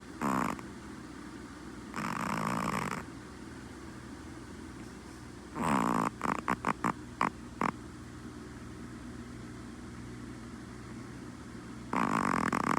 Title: This girl and her snoring 🤣💜 (volume up) #chihuahua #puppy #pets #funny #love #animals #latestnews